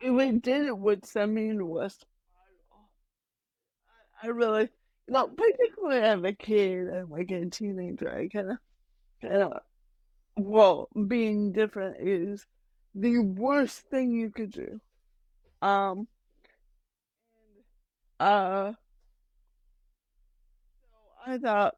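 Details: Adult woman with mild cerebral palsy, which she says mainly affects her speech and motor skills, speaking in a real podcast interview; dysarthria (cerebral palsy).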